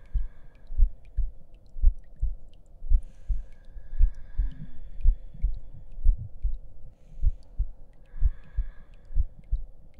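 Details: Simulated heartbeat sound effect in an ASMR roleplay with the listener lying down to rest: soft, steady, low thumps at roughly 57 a minute with faint background sounds.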